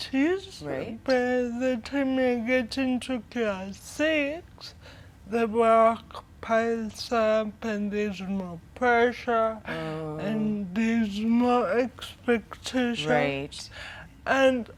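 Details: 25-year-old woman with cerebral palsy caused by lack of oxygen at birth during her mother's prolonged labor, affecting leg and hand movement, coordination and speech; dysarthria.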